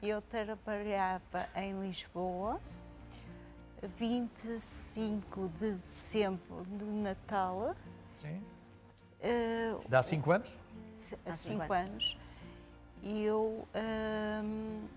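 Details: Aphasia in an adult Portuguese-speaking woman after a haemorrhagic stroke 5 years earlier, with right-sided paralysis; she had lost all speech and has been recovering through speech therapy.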